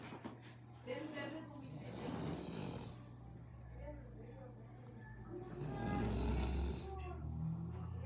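Slow, irregular rattling snores with low rumbling on each breath, mixed with faint background sounds; ordinary snoring.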